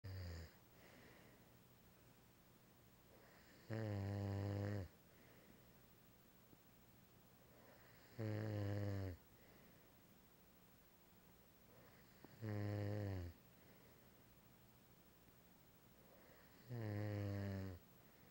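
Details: Snoring: regular, loud, deep snores on each inhaled breath, about 14 a minute, with quiet pauses between them.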